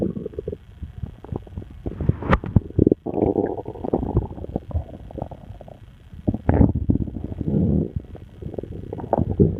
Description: My stomach started going nuts, so I made this recording.